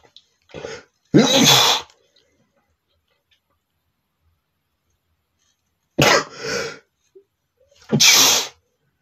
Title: sneezing male #13 (NOT POWERFUL!)